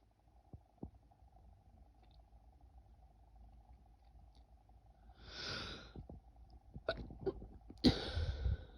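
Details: Woman trying to stifle sneezes: quiet breathing gives way to a hiss and several short, held-back bursts, then one fuller sneeze.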